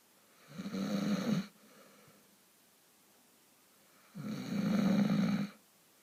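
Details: Person or animal snoring: two loud, rough, low rattling snores about three seconds apart, quiet breathing between, in a still room; ordinary snoring.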